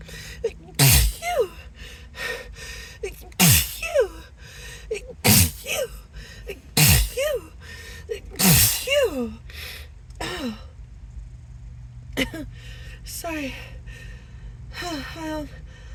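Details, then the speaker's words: Acted sneezing fit, announced beforehand with apologies ("I think I need to sneeze"); the speaker later suspects an allergy: about six forceful sneezes in quick succession over background music. "wait wait sorry hang on I think I think I need to sneeze hang on yeah yeah sorry I'm"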